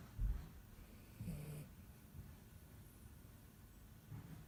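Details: Dachshund puppy asleep: soft, low snuffling snores with brief nasal whistles, faint against room noise.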